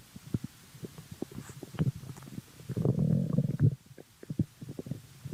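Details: Stomach growling (borborygmi): irregular low gurgles and bubbling rumbles that swell into a longer growl midway.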